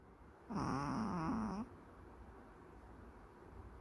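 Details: Maltese dog napping: one short, buzzy, wavering snore of about a second, then quiet; snoring.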